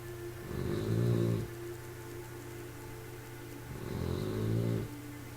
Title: 3 Months old bulldog snoring